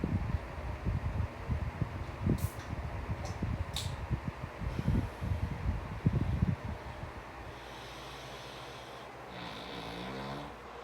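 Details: Low, rough, fluttering snores with snorts, then quieter breathing over steady fan hum; father snoring.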